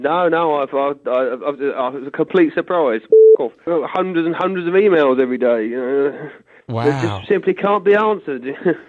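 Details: Adult man with Tourette syndrome and Asperger syndrome, with involuntary vocalizations including "off" and swearing, plus body-movement tics that come in cycles with bad tic days; vocal tics (Tourette syndrome).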